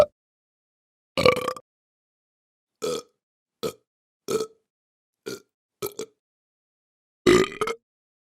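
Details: Human burp and belch sound-effect recording: about eight short, separate voiced belches with silence between them.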